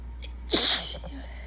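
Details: Person who is tired and sick sneezing: a short intake of breath followed by one sharp, hissing sneeze.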